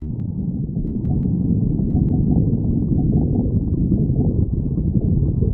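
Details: Stomach growling: steady low rumbling with faint gurgles throughout; borborygmi.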